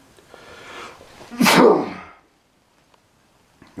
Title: CRAZY HEAVY SNEEZING!!!!!